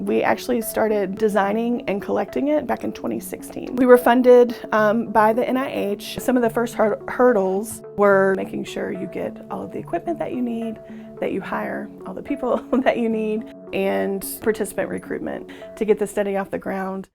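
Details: Adult woman speaking; normal speech.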